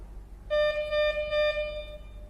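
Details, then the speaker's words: MedRena Unifusion SP50 touchscreen syringe pump, syringe installed, switched on with the power key: a steady electronic beep lasting about 1.5 seconds as the pump runs its power-on self-test, before offering the last-treatment interface. "It will test the pump and then it will go into the whether you want to use the last treatment interface."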